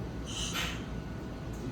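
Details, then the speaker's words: Mechanical ventilator in a ventilation training session, connected to the tube and a test lung: a brief rushing airflow breath over steady machine noise. "pronto e o funcionamento é esse com já conexão no tubo já na barata fazendo volume e fazendo pressão"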